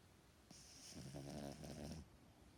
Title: snoring HD